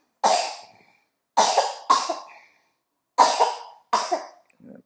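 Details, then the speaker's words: Baby girl coughing during flu season at home: five separate loud, wet-sounding coughs in about five seconds with silence between them; cough. "période de grippe chez nous là. Vous entendez comment elle tousse là. Le pauvre bébé là."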